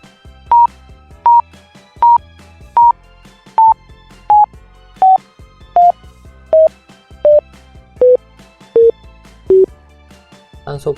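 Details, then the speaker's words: Pulse oximeter tone beeping at about 80 per minute, each beep stepping lower in pitch as oxygen saturation falls below the top tone, demonstrated by an anesthesiology professor teaching how to hear SpO2 changes by sound. "最高音「1」でも減れば、低い音がする。"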